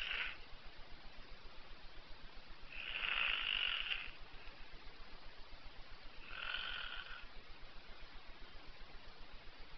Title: Snoring Donald duck